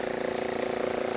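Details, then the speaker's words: Portable oral suction machine running, pulling vacuum through tubing and filter into the canister: a steady, fairly loud motor hum with a rapid pulsing buzz. "so right now it's running it's pulling a vacuum back into the machine through this tube through this filter through the hose"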